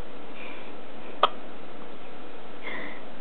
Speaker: My little buddy has the hiccups, but he's smiling anyway.